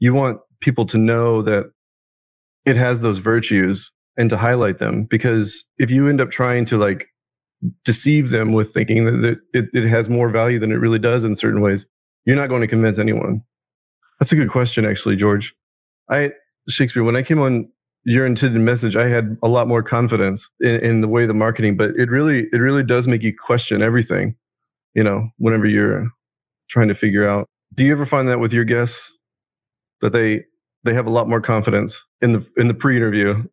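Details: Adult man with Tourette syndrome whose involuntary vocal tic is repeatedly saying a word mid-conversation; vocal tic (Tourette syndrome).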